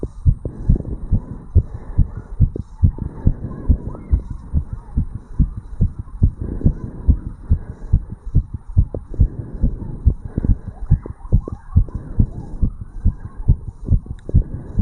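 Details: 35-year-old male's heartbeat recorded over the tricuspid valve area after jogging uphill: fast, regular heartbeat with strong low thumps, about 140 beats a minute.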